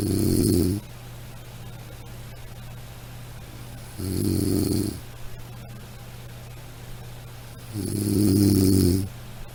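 Loud rasping snores on each breath in, about 15 a minute, with quiet pauses and a steady low hum between.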